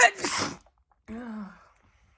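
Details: Woman's single sharp, breathy wet sneeze at night after a very itchy nose, followed by a short voiced sigh in a quiet room.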